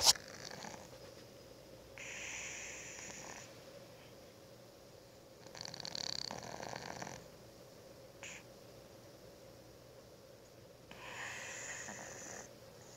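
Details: Soft, breathy hissing snores recurring every few seconds over quiet room hum from a female cat asleep on a desk after a tiring day; cat snoring.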